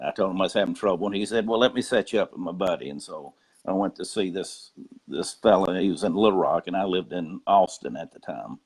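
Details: Adult man speaking; adductor spasmodic dysphonia.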